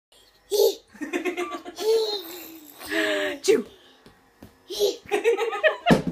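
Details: A young child makes voiced, playful fake sneezes mixed with giggling, imitations rather than true sneezes.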